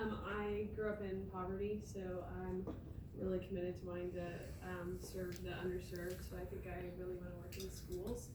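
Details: Adult speaker; typical speech.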